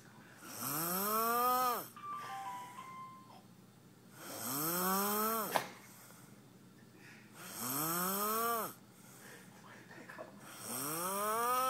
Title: snoring